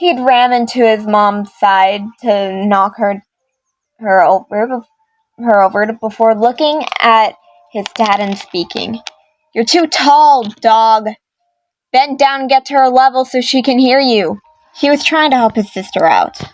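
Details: Female speaker who reports stuttering quite a bit when reading scripts or lines, reading characters' lines; stuttering.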